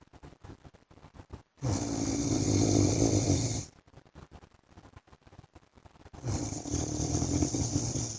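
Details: Husband snoring during sleep: two long, loud, rattling snores on the in-breath, about 13 breaths a minute, separated by quieter clicking exhalations.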